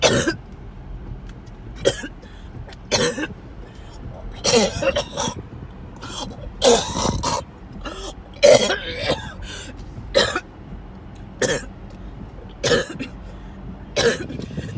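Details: Coughing fit recorded during a car ride to the hospital ER: about twelve harsh cough bursts in fifteen seconds with car noise behind.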